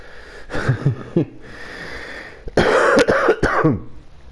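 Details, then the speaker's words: Adult with several days of hoarseness, clearing the throat and coughing. "Excuse my voice, I'm still hoarse. I've been hoarse for a few days. And sometimes, you know, I need to clear my throat."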